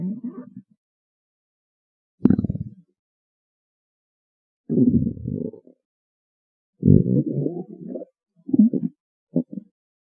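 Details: Six short, low gurgling rumbles separated by silence; stomach growling.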